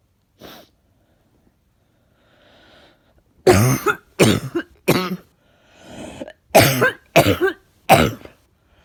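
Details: Six harsh coughs in two runs of three, with a faint sniff and breaths between them, from a person who feels something stuck in the chest and is out of breath; tagged as a barking cough.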